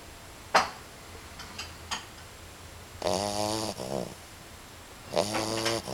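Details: A sleeping puppy makes whistling, squeaky snores with a few soft snuffles between them: snoring.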